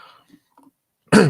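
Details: Near silence with faint room sounds, then one abrupt, loud, voiced cough or throat clearing at the end, from a speaker who says their throat is hoarse from illness.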